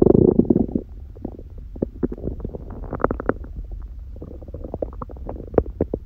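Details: Hunger stomach growling in an adult lying down, second such recording, on a raw-food diet with one meal a day and only a smoothie in the morning: low gurgling, bubbling rumbles with rapid irregular pops; normal borborygmi.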